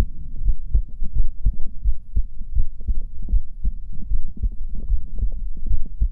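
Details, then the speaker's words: Normal heartbeat recorded with a chest microphone while frightened during a horror game: steady, fairly quick low thumping over a low background hum. "震えてるでしょ。心拍数を聞いて欲しいでしかな?"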